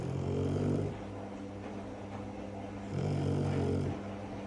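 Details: Loud low rumbling snoring from a sleeping Shar Pei dog: two long, loud snores with quieter breathing between them.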